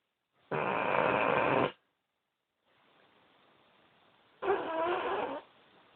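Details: Dog snoring during sleep: two long, rough, rattling breaths separated by quiet pauses.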